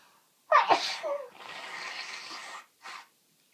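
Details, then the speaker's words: Adult with a cold, uncontrollable repeated sneezing and an itchy nose: one forceful sneeze followed by a long hissing breath out and a brief sniff. "Oh, he sneezes. Oh my god. My nose is so itchy."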